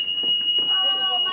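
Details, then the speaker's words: Continuous high-pitched electronic alarm tone with faint voices behind it, a hospital monitor alarm; described by a nurse as contributing to alarm fatigue among telemetry, chair, bed, IV pump and code alarms. "alarm fatigue is it's a desensitization to the various morning alarms that go off in the hospital simply because there are so many"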